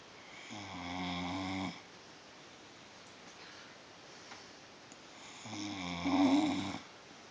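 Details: Two long, buzzing, vibrating snores on breathing in, separated by a quiet pause; ordinary snoring.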